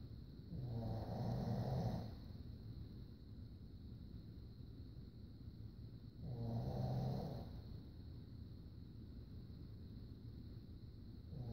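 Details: Slow, regular, low snores, about one every five seconds, over a steady background hum.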